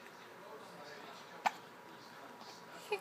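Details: Baby with bad hiccups: two short, sharp hiccup sounds about one and a half seconds apart against quiet room noise; hiccups.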